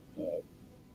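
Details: A brief low gurgling rumble from an adult man's stomach in a quiet room; he is hungry because he is intermittent fasting and has not eaten until well after lunch: stomach growling (borborygmi).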